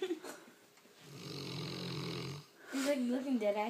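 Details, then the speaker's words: A single low, buzzing snore of about 1.5 seconds from a dog snoring while its eyes are open, followed by a person speaking. "How do you snore with your eyes open, dude?"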